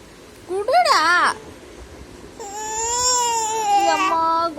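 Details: An infant crying: two high-pitched cry bursts, the first wavering and the second long and sustained, in a quiet room.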